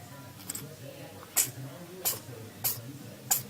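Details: Cat sneezing: several short, sharp, hissy bursts, about four sneezes, with faint background noise.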